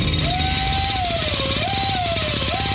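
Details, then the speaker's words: High, whining drill sound rising and dipping in pitch over a steady grinding buzz: a dentist's drill played as a sound effect in a radio ad for a dental office. "Does your trip to the dentist office sound like this?"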